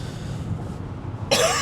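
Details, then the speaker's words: Adult coughs during a conference trip, reporting the chest feels a little heavy and worried about catching something. "And as you can hear, I am really hoping that I didn't pick up something because chest is a little bit heavy."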